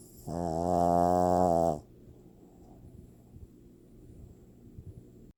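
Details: Pug snoring loudly, like a grown man: snoring.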